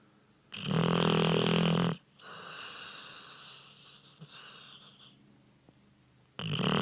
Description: Loudest snoring dog in the world